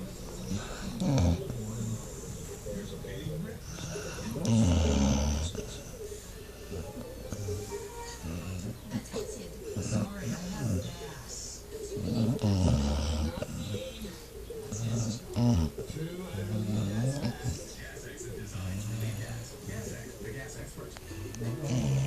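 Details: Dog snoring while sleeping: deep, rumbling snores recurring several seconds apart, with music and other sounds in the background.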